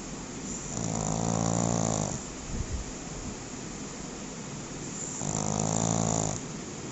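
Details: Sleeping pug dog: two long, loud, rattling snores on inhalation about four seconds apart, quiet breathing between; snoring.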